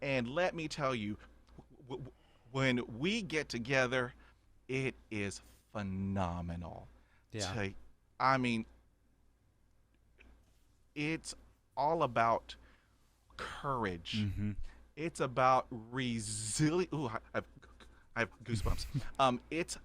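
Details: Adult man stuttering since childhood, about 80% fluent after 20 years of speech therapy, still with blocks and repetitions; stuttering.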